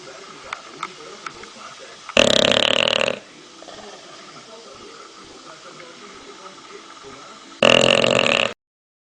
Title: Snoring dog